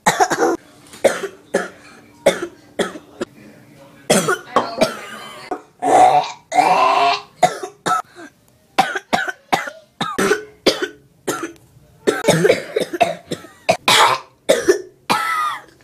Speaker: that was me coughing cough cough